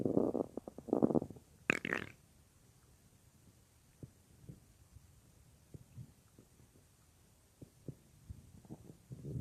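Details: Real recording of a woman's own stomach, which she says sometimes gets loud, made for a roleplay: opening bursts of gurgling, then faint scattered clicks and small gurgles; ordinary stomach growling (borborygmi).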